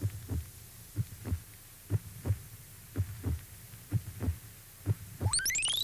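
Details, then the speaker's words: Lamb heartbeat as steady paired low thumps at about 63 beats a minute, ending in a brief electronic tone; a sound clip played in a mid-1980s children's TV sound-guessing game. "The sound is heartbeat of a lamb."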